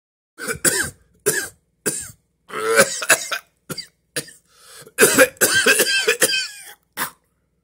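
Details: Adult man acting a COVID deathbed cough: a bout of harsh, repeated coughing with throat clearing; simulated cough.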